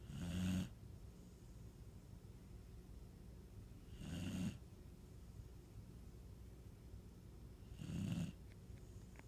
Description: Delilah the snoring dog